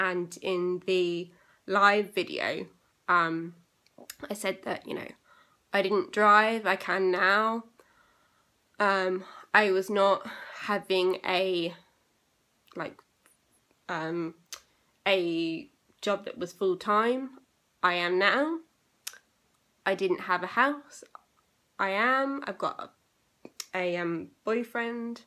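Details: Aphasia in a young woman, recorded eight years after a stroke she had at age 18; she reports persisting problems with reading, writing and saying numbers.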